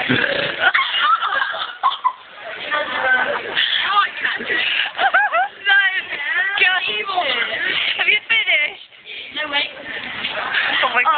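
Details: Deliberate burping contest between two people at a birthday party in a McDonald's: repeated long, voiced belches rising and falling in pitch, some stretched and gurgling.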